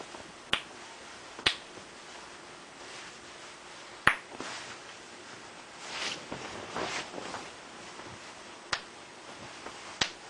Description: juuust to show i can crack my hip bones, knees, ankles, and toes.